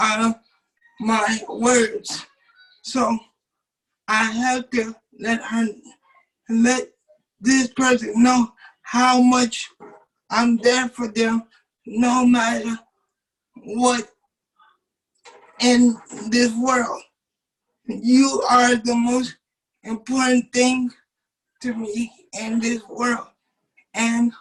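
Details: 27-year-old man with cerebral palsy since birth, wheelchair user, whose muscles do not work like others'; doctors told his family he would never talk; dysarthric speech in cerebral palsy.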